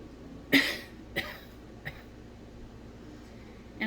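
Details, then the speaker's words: Nursing demonstration of post-abdominal-surgery splinted coughing, pillow held firmly against abdomen: two slow deep breaths, deep inhale held 3 seconds, then one firm cough followed by two smaller ones without inhaling, in a quiet room. "Inhale deeply, hold for 3 seconds, cough without inhaling 2 to 3 times. So again. And one more time."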